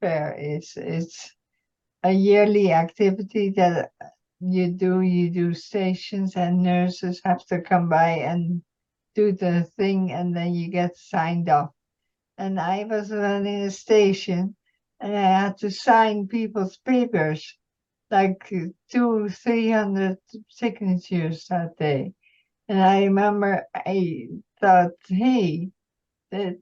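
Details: Woman, retired nurse, with multiple system atrophy, mainly parkinsonian type with some cerebellar features; speech symptoms began about two years earlier; reports some days with no voice at all; dysarthria (multiple system atrophy).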